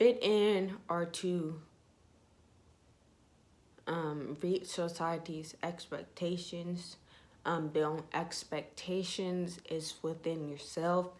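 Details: Young woman with ataxia (she says type 46), symptoms beginning in her high school junior/senior years, with leg shaking, poor balance and twitching; she reports her voice trembles whenever she talks; voice tremor (ataxia).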